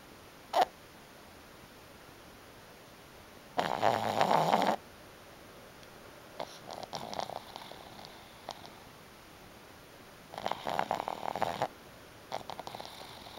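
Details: Black pug snoring: two loud, rough, rattling snores about seven seconds apart, with fainter snuffly breaths between, in a quiet room.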